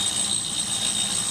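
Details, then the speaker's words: Steady high-pitched whine and hiss of a dental lathe with a 3-inch wheel grinding the sides of an acrylic maxillary appliance. "e right and left sides of this Appliance and we do it by using this LA with this 3-in wheel and we hold the appliance against the side of the wheel like this"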